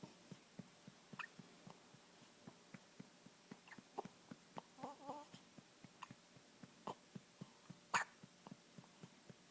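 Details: Hiccups just after eating, moving the whole body: quiet, regular soft squeaky clicks about every quarter second, roughly 200 a minute, fitting a small animal; faint room noise.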